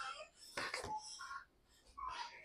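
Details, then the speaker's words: Short, fairly quiet infant cry with wailing tones as the baby boy wakes from sleep. "You can hear my baby cry because he just woke up from his sleep."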